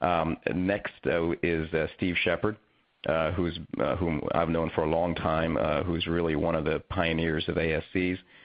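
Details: Adult man speaking; normal voice.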